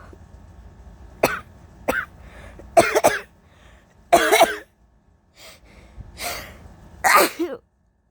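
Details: Allergy sufferer whose medication is only partly working, covered and uncovered coughs with holdbacks: a run of short dry coughs and throat-clearing bursts, some muffled; cough.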